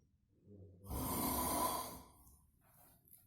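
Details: Pero snoring with a single loud, rasping snort, asleep in a quiet room after an exhausting day.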